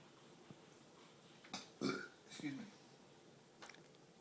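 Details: Person hiccuping and burping while buying movie tickets, complaining of chest pain; a few low, rumbling voiced bursts against faint room noise; burping.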